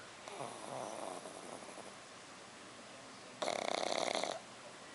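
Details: A black pug puppy lying on his back asleep: a soft rough breath, then a loud fluttering, rattly snore lasting about a second; very loud snoring.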